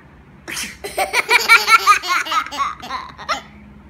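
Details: One short adult sneeze from the mother, followed at once by bursts of laughter from her infant twins reacting to it.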